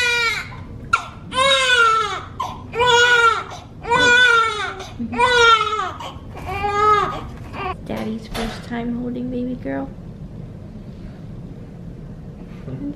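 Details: Newborn girl, about six pounds, minutes to hours after birth: several loud, rhythmic wails, then quieter fussing; healthy newborn cry.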